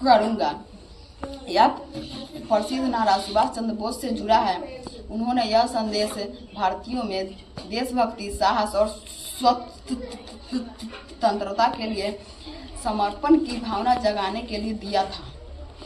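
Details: Mild stuttering in a schoolboy, reciting a memorised speech; teacher thinks he may outgrow it.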